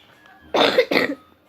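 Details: Child coughing while showing squishy toys: two quick, sharp coughs in close succession; cough.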